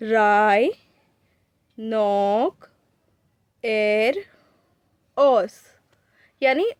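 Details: Cerebellar dysarthria, from disease of the cerebellum or its brainstem connections, imitated by a lecturer voicing a patient; scanning speech (cerebellar dysarthria), imitated.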